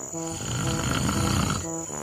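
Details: Husband snoring while asleep; one long, loud, rattling snore lasting over a second between steady tonal sounds.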